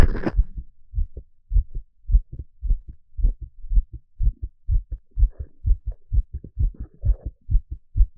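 Steady paired lub-dub heartbeats, about 60 to 65 beats a minute, clear and regular.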